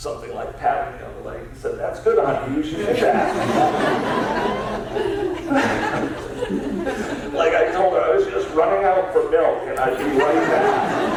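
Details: Adult man diagnosed about seven years earlier with spasmodic dysphonia, a rare neurological speech-only disorder of unknown cause, treated with periodic Botox injections, speaking in a real keynote talk; spasmodic dysphonia.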